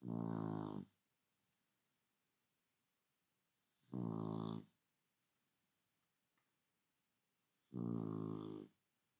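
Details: Tula snoring while awake: three loud, buzzy, low-pitched snores about four seconds apart with quiet pauses; snoring.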